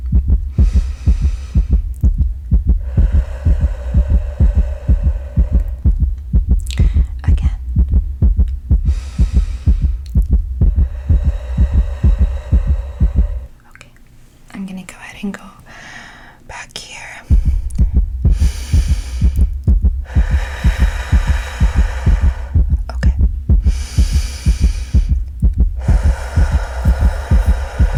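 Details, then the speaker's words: ASMR role-play heart check of an anxious, restless listener with racing heart at night: fast, regular heartbeat through a stethoscope, about 125 beats a minute, soft hissing between beats; examiner remarks it is beating a little fast, asks about daily coffee. "okay okay well your heart is definitely beating a little fast um would you say that you have coffee every single day"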